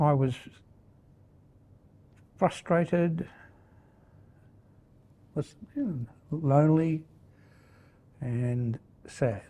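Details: Man with primary progressive aphasia; his answer is slow and broken by pauses. Primary progressive aphasia.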